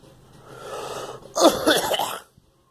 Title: Me coughing